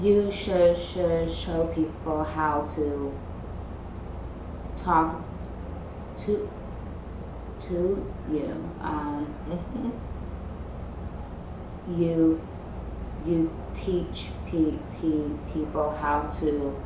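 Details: Adult female host who stutters, in conversation with her speech pathologist about voluntary stuttering; repetitions and blocks; stuttering.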